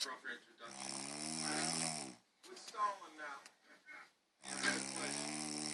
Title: women do snore!